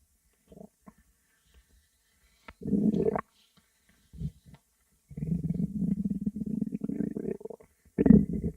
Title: (REUPLOAD) stomach growl